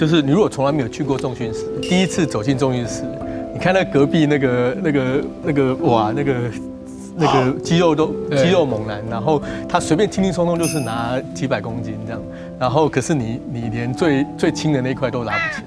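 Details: Adult male who says he has stuttered since childhood and was asked by his teacher to practise public speaking from first grade because of it; stuttering.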